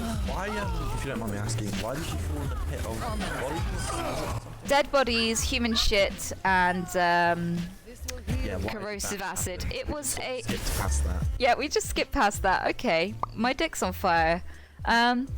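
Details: Vocal tics from Tourette syndrome in an adult woman, real (not acted); her narration is interrupted by sudden vocalized tic phrases, some obscene.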